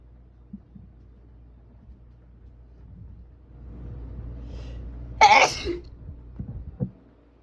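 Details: Loud sneezing on a rainy evening: a gathering inhale, then one explosive, forceful sneeze in a quiet room with soft background hiss, followed by a few small breathy sounds.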